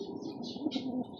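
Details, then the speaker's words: Young pigeon with "halak" (rattling breathing), not yet eating, during the rainy season: rough, rattly breathing with faint squeaky notes, an abnormal respiratory noise before treatment with medication. "yan tinamaan ng halak mga birtkada. Kunin natin mga birkada. Ito yung YB oh. Yan oh. Humihinga siya ng kakaiba ano? Tinamaan ng halak."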